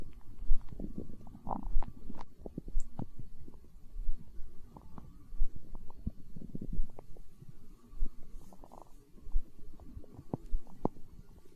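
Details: Stomach growling in hunger, tagged as empty-stomach sounds in an ASMR recording: low, irregular gurgling and rumbling from the belly with soft clicks, ordinary borborygmi.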